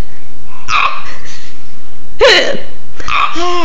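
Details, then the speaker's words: Young child asked by mother about having hiccups like Mommy: three brief abrupt voiced catches over about four seconds, each with a short vocal tail; hiccups. "do you have the hiccups? Let me hear you. Can you show me the hiccups? do you have the hiccups like Mommy?"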